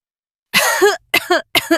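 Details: Three short, harsh cough bursts in quick succession from a female, likely adult.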